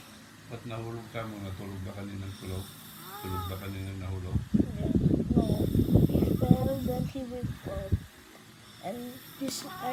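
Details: Person (brother) snoring while asleep with irregular, rapid fluttering, buzzing breaths and choppy bursts of varying pitch; unusual vibrating snore.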